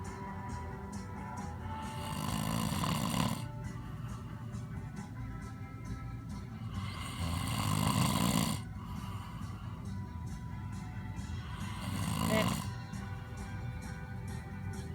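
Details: Man sleeping: three loud, rough, rumbling inbreaths about five seconds apart, roughly 12 breaths a minute, over steady background music; snoring.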